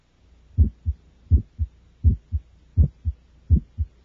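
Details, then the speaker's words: Child's heart, about 82 a minute, over inspiration and expiration: a crisp, high-pitched aortic or pulmonic systolic ejection sound just after S1, loudest in expiration, best heard with the stethoscope diaphragm. "the systolic ejection sound generated by the aortic or pulmonic valves is a frequent finding in children and is loudest during expiration the sound is high pitched and best heard with the diaphragm of the stethoscope"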